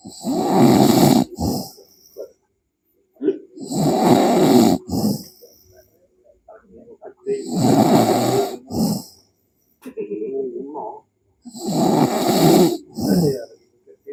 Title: Suara orang tidur ngorok